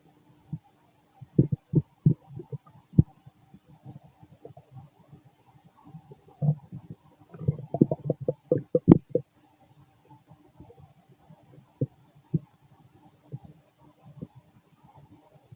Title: Fit male stomach growling digesting